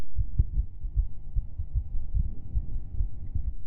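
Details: Fast, regular low thumps of a female's heartbeat picked up by microphone, roughly 150 to 180 beats a minute; rapid heartbeat.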